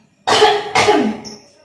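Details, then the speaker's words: Effective cough technique taught by a nurse to a woman patient, perioperative nursing: inhale through the nose, hold briefly, then cough; two strong, forceful coughs in quick succession to clear the airway. "jadi yang terakhir ini kita batu dia Bos ini saya ajarkan Tarik nafas tahan sebentar batukan"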